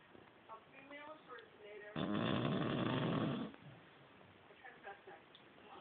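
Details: One loud, rough snore lasting about a second and a half, with quieter snuffling breaths on either side, from a 6-month-old female Shar Pei asleep on the couch; snoring.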